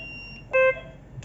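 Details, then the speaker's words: A single short, clear electronic beep as a USA-made Vyre transport ventilator used in emergency and ambulance settings is switched on with the power button. "saat kan kita baru nyalaatornya tekan tombol power"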